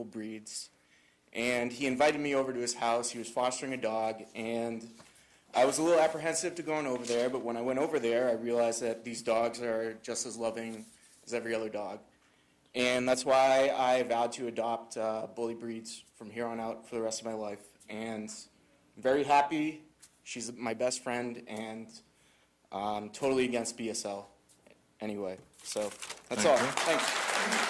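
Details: Adult; normal voice.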